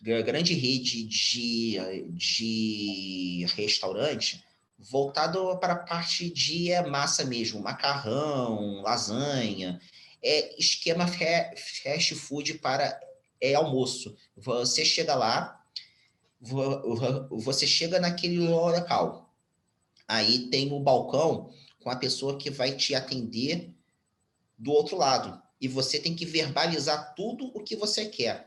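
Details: Stuttering, now mild, in a 34-year-old Brazilian Portuguese-speaking man, speaking spontaneously.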